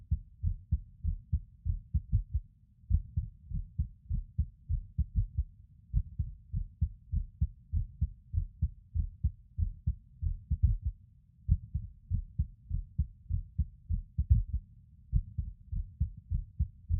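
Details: Self-recorded skipped heartbeats in a male lying on his bed: low heart thumps near 100 a minute with uneven spacing and occasional pauses, an irregular rhythm.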